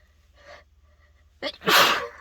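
A quick indrawn breath, then one loud explosive sneeze after a softer lead-in; sneezing set off while congested.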